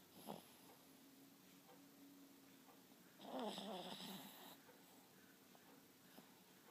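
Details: A female dog's loud snoring while asleep, loud enough that she sometimes scares herself: one rough, rattling snore over a quiet room, with faint breathing noises before and after.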